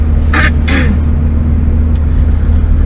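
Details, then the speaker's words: Adult who says they are sick with no fever, a runny nose, a sore throat and a heavy cough, coughing inside a vehicle: two quick cough bursts over a loud, steady engine rumble. "I don't have the fever but you know my nose is leaking my throat hurts I cough like crazy I have all the signs of being sick just not i'm just not sick enough"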